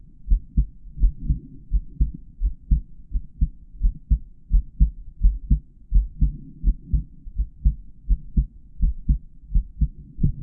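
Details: Real-time recording of a male adult's normal heart sounds, taken with a microphone inside the stethoscope earpieces during a tutorial on heart auscultation areas: steady, regular lub-dub at about 85 beats per minute.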